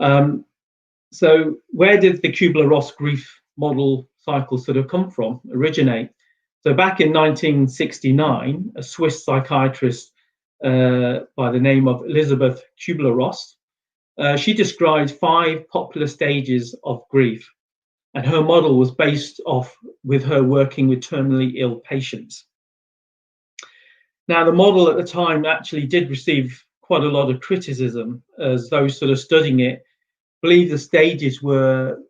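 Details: Adult speaker; normal speech.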